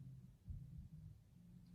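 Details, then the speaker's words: Normal heart sounds via stethoscope diaphragm at the aortic area during a nursing check-off exam; faint low thumps. "so s1 was loudest at the apex and s2 was loudest at the face"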